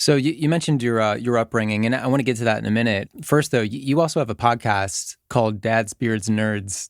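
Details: Adult man; Normal speech.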